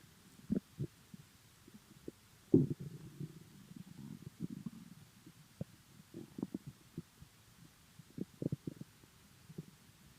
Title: My empty stomach rumbling in the morning